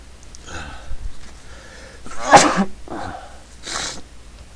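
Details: Person who says they can't stop sneezing: short gasping inhalations lead into one loud explosive sneeze, then a softer breathy burst, in a small room; sneezing.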